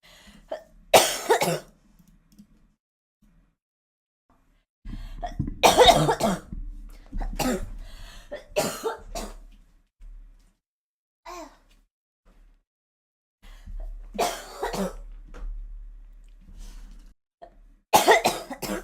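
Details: Girl coughing in several bouts of harsh coughing with throat clearing between quiet gaps; repeated cough.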